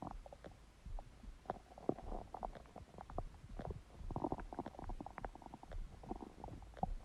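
Irregular low gurgles and squeaky rumbles from the gut, ordinary stomach growling of an empty stomach.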